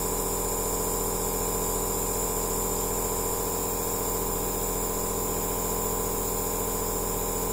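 Steady droning hum with a fast, even pulsing throb from a running aerosol therapy machine.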